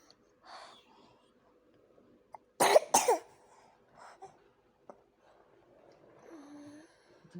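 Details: Child coughing when a nerve point inside the right ear is touched: two quick dry coughs in a quiet room, an ear-cough reflex.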